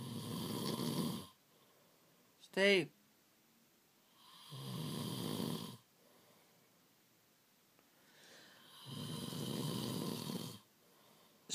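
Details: Adult male partner snoring in his sleep before being woken and asked to turn over: three long, loud, rumbling snores about every four seconds with a brief voice between; heavy snoring.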